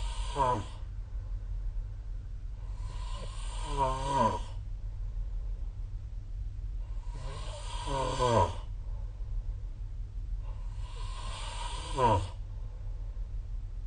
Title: 🐽 Snoring Sleep Sound / いびきの音